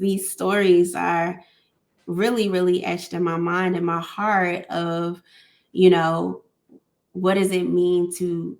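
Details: Adult woman who stutters, a speech-language pathologist and PhD candidate; stuttering.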